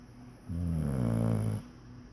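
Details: Snoring: one low, rough, vibrating snore on a single breath, lasting about a second, in a quiet room.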